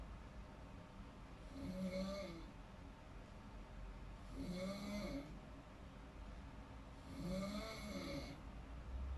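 Three rough, vibrating snores on each breath in, about 20 breaths a minute, steady rhythm during sleep: ordinary snoring.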